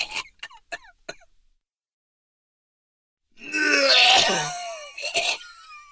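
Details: Acted sound effect of a sick adult male: four quick dry coughs, a pause, then a long rough hacking throat-clear and one more cough.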